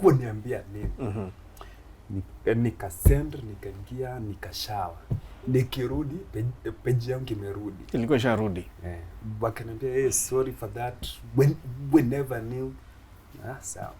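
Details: Stuttering (stammering) in an adult Kenyan male comedian who began stammering in school; he finds plosives difficult and avoids them by switching between Kiswahili, English and Luo, shakes his head when stammering, and stammers more in cold seasons.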